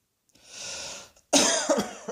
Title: Cross Dressing Coughing 130